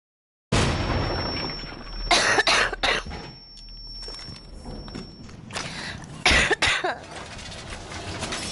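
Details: Girl with a sore throat coughing: several sharp, harsh cough bursts in two clusters over a steady background hum and room noise.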